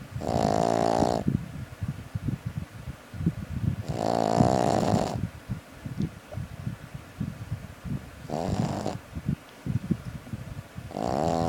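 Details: A sleeping puppy gives loud rattling snores roughly every four seconds, with quieter snuffling and clicking breaths between them; snoring.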